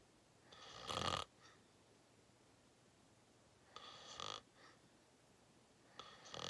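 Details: During a long nap: loud, rough snoring bursts on breathing, three in about six seconds, with quiet pauses between.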